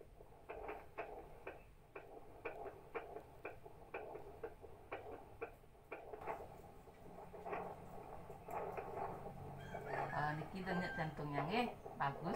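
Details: During a physical examination of a pregnant woman, rapid, fairly regular soft pulsing fetal heartbeat, roughly 120–140 a minute, then room noise; the examiner notes a good rhythm.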